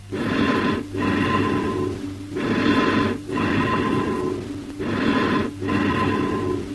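Loud, hollow, echoing breath sounds with a clear gap between breaths, typical of amphoric bronchial breathing.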